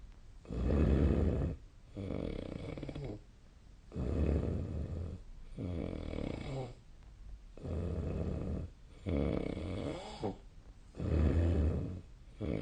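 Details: Loud, rough snores on breathing in, about 18 breaths a minute, with breathy exhalations between, recorded during sleep; ordinary heavy snoring.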